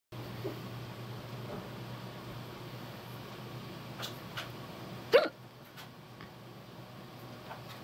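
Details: A person hiccupping for the first time in a long while, heard by their cat: a single sharp, brief vocal hiccup over a low, steady room hum, with a few faint clicks before it: hiccups.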